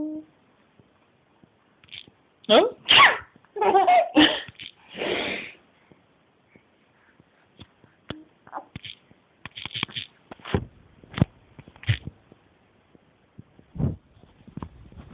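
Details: Several short explosive bursts, likely sneezes, followed by scattered clicks and rustling in a quiet room; sneezing.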